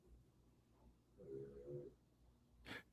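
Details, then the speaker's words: A sleeping dog gives a single quiet, whistling, rumbling snore, then a brief sharp noise; snoring. "you hear Leia snoring. I'd hear that every now and wondering what the heck was I don't hear that very often [Music] but that's the dog snoring."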